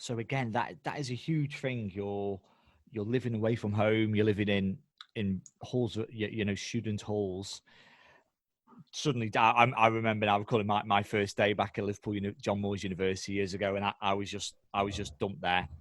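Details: Adult male speaker; normal speech.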